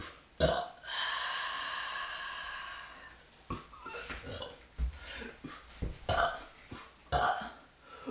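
A long drawn-out burp lasting about two seconds, followed by several shorter burps and gulping sounds.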